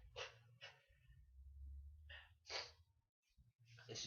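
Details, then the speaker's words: A rapid sneezing fit: several forceful sneezes with sharp in-breaths between them, the person expecting more to come. "Here we go again. Oh. Oh no. It's not. It's another one coming. Knew there was one. How many are we gonna get?"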